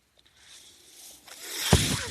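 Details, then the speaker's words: Breath from a podcast speaker's own mechanical ventilator, heard while he talks: mechanical ventilator breath cycle. "That noise you're hearing is my ventilator."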